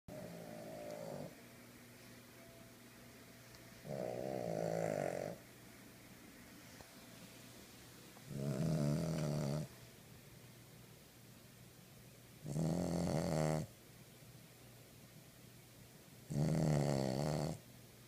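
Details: King Charles dog snoring in its sleep: loud, rattling snores recur steadily about every four seconds, roughly 15 breaths a minute.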